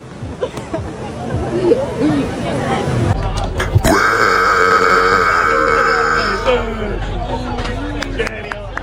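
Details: Long, loud, sustained voiced belch lasting a few seconds after chatter and crowd noise; burping.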